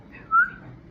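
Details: Single brief, high whistling sound against a quiet room: a sudden vocal tic in a woman with Tourette syndrome, diagnosed at 18, with tics since age 8.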